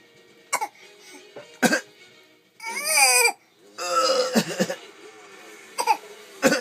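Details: A 6-month-old baby fake coughing: about four short, deliberate cough-like bursts between squealing vocal sounds, with a television in the background; voluntary (fake) cough.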